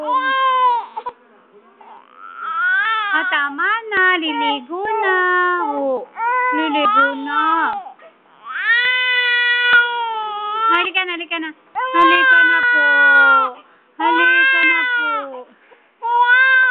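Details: A baby in a tantrum, said to want a bath, crying hard with a sustained, high, wailing cry in repeated bouts and brief breaths between; infant crying.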